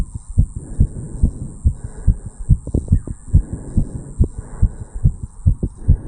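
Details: 35-year-old male, own heartbeat recorded at the tricuspid valve area after jogging uphill (second recording): fast, regular heart sounds, about 140 beats a minute, an expected response to exercise.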